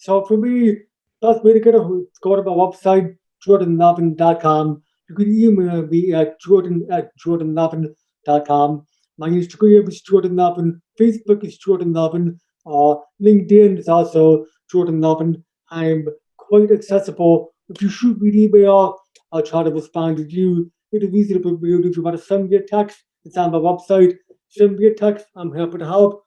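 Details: Speech of a man born three months premature, with congenital hearing loss not found until age two and a half, whose parents chose an oral approach to teach him to listen and speak.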